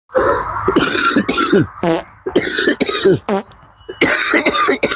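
Repeated forced, voiced coughs and throat-clearing sounds, made on purpose rather than from illness.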